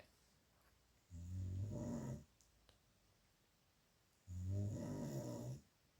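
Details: Father snoring in the background: two long, deep, buzzing snores about three seconds apart in a quiet room; ordinary loud snoring.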